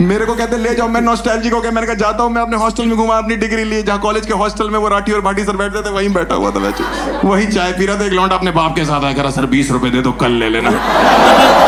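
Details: Adult male speaker; no speech disorder.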